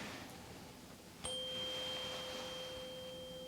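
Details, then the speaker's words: A tuning fork is struck sharply, then a clear, steady ringing tone slowly fades, during a Weber test in a simulated ASMR head-to-toe exam on a real person; she hears it in both ears but louder in the left. "Okay, so this is the Weber test. I'm just going to hit the tuning fork. Let me know if you hear it first on your right ear, your left ear, or both."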